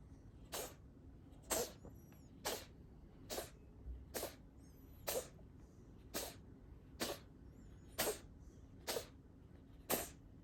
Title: Cat coughing for a minute!